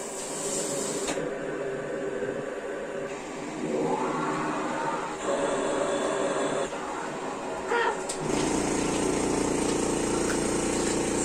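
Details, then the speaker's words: Cough assist machine used on a special-needs child whose oxygen has been dipping, to help her take deeper breaths: steady whirring that shifts in pitch as it forces air into her lungs and then sucks it back out. "so i've mentioned before what the cofficist does but basically it simulates a cough in her it forces air into her lungs fills her lungs and"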